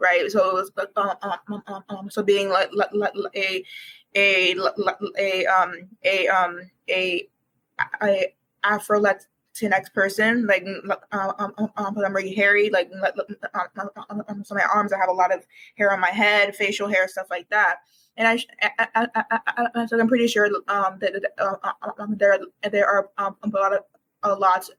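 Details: Developmental stuttering present for as long as the speaker can remember, in a university student who began speech therapy in kindergarten, with frequent repetitions and fillers.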